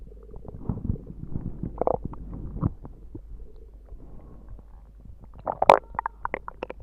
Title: Quick stomach growls